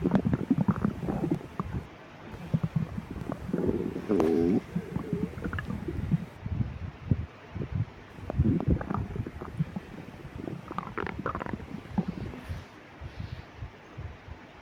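Irregular low rumbles and gurgles with some room noise; bowel sounds of stomach growling.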